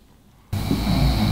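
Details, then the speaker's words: A friend asleep beside the speaker snores loudly: a coarse, low-pitched, rattling rumble after a brief silence, continuing despite loud talking nearby. "ama horlama lan yanımda arkadaş Uyuyor da horluyor Arkadaşlar kusura bakmayın sesi geliyorsa"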